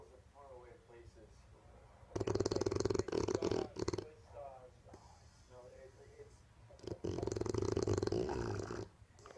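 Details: Deaf female Bulldog asleep on a couch snoring: loud, rattling snore bursts alternating with quieter snuffling breaths, noisy upper-airway snoring likened to an old man.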